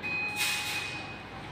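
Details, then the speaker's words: Diathermy (electrosurgical) machine demonstration, hand-activated monopolar pencil in cutting mode: steady high-pitched activation tone over a brief hiss. "इसके ऊपर दो function होते है collision का और कटिंग जब हम कलेशन करेंगे तो ये अपना वर्क करना स्टार्ट कर जब हम कटिंग करेंगे तो ये अपना य से शुरू कर ठीक"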